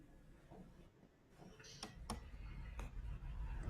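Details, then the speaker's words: Imitation of Velcro-like fine crackles: a blood-pressure cuff's Velcro pulled apart gives a dry crackling, likened to the dry crackles of interstitial lung disease, where fibrotic, stiff interstitium resists forced expansion. "eso es es un es un sonido seco que que es lo que se denomina velcro no y bueno es más o menos como se escuchan los crepitantes velcro no"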